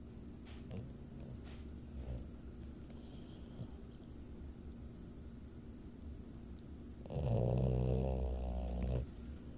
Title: BOXER Snore and whistle